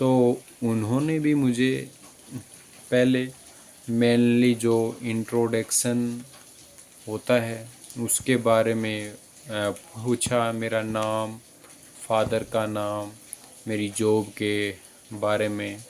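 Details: Adult male speaker; stuttering.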